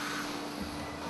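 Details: Steady hum and whir with a faint tone and slight shift: running sound of the home mechanical ventilator, via tracheostomy, of a man with ALS (amyotrophic lateral sclerosis) ventilated for 20 years.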